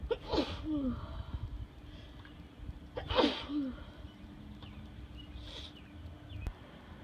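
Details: Two loud sharp sneezes seconds apart then a softer third, sitting outside at night, in a bout of repeated sneezing that started while driving home after a gym workout; sneezing.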